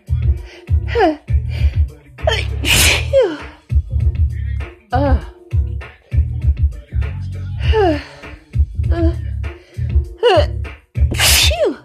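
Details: Strong sneezing fit from leftover cold plus allergies, with a lingering tickle: two forceful sneezes, each preceded by a gasping inhalation, over low background music.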